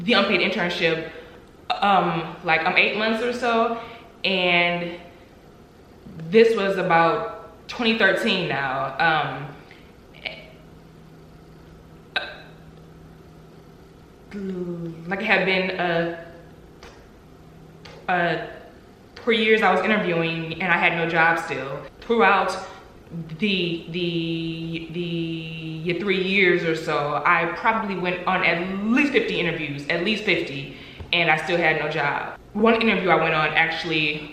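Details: Adult woman with stuttering, real and not acted; stuttering.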